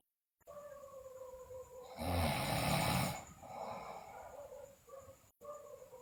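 A loud, rough, fluttering snore on one breath, with quieter breathing around it; snoring during sleep.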